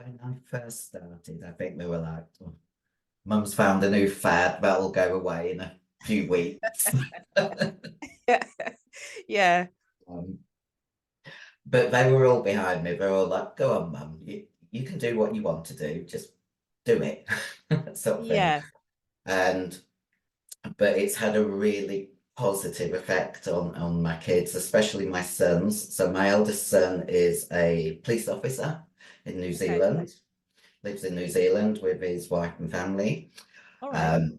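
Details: 56-year-old female bodybuilder with voice deepening after large-dose anabolic/male steroid use; she reports the voice changed from high-pitched to very deep and she can no longer sing; virilized voice.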